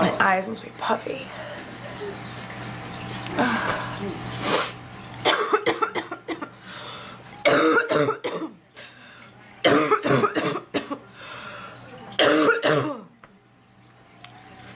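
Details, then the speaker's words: Sick person with a sore throat who was kept awake coughing all night and reports trouble breathing: several rough, forceful coughs and some throat clearing between short pauses in a quiet room. "I could just sleep for hours but I would would just keep waking up coughing like I did all night by throat"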